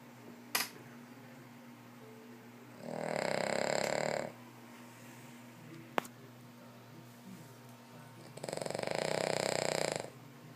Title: Elliott the snoring King Charles